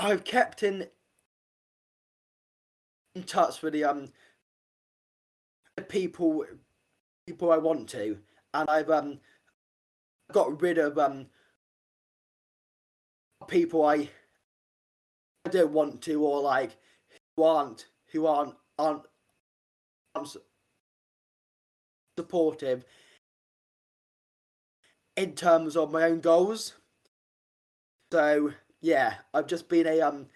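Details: Stammering (stuttering) in an adult man, an army medic, who has stammered since age five; he reports blocks and repetitions that worsen under stress; real, not acted.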